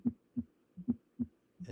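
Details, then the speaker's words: Simulated teaching example of an S4 gallop, given after a normal S1 and S2 example: heartbeat about 72 a minute with a soft, low-pitched extra sound just before each S1, from the atrial kick against a stiff ventricle ("Tennessee" cadence). "as with the S4 which comes right before S1 um It's associated with the atrial kick against a stiff ventricle also a low pitch sound"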